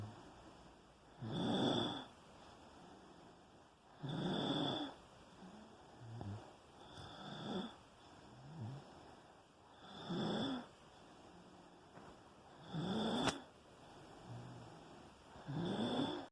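Loud rattling snores on each breath in, about 11 a minute with quieter breaths out between them, in a quiet room.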